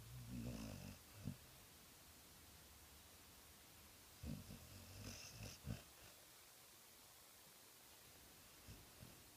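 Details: A dog, Lucy, snoring: low, rumbling snores in two main bursts with short snorts between them, then quiet breathing, against faint room noise.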